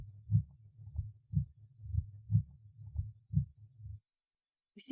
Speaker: прослушайте ослабление первого тона на верхушке сердца у больного с обширным инфарктом миокарда